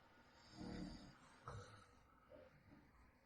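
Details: Real recording of her adult husband snoring at night: a soft, low snore followed by snorting breath noises over a quiet room background; snoring during sleep.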